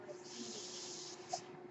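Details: Mechanical ventilator noise from the speaker's own ventilator, heard in the background as they talk.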